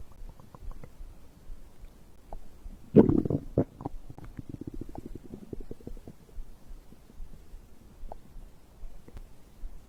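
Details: Bowel sounds recorded after drinking a beverage: gurgling, bubbling stomach rumbles with a louder burst of gurgles, ordinary digestion sounds.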